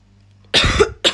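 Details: A harsh, rough cough burst followed by a second short cough from an adult woman while smoking a cigarette: a smoker's cough.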